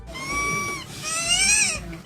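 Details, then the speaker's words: Whistling with every breath from a child who swallowed the whistle part of a dog toy (airway foreign body): two clear, squeaky whistling tones, one per breath. "with every breath this kid took there was a whistle"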